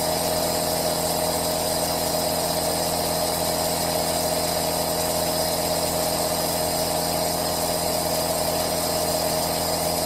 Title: ASMR Aerosol Sound White Noise - RELAX NOW - Aerosol Nebulizer Sound